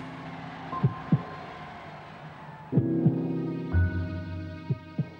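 Slow, muffled lub-dub heartbeat thumps, roughly 30 a minute, over sustained background music; an illustrative heartbeat effect.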